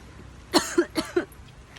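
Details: Person who had not been coughing at all, choking in surprise after seeing a monkey on the road: four quick, harsh coughs in a row, a sudden coughing fit after choking.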